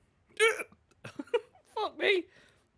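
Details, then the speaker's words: Man with hiccups just after eating a very hot chip (Reaper One Chip Challenge): sudden short voiced catches break into his breathing and speech, repeating within seconds. "i didn't set the top i didn't start the time i got hiccups um"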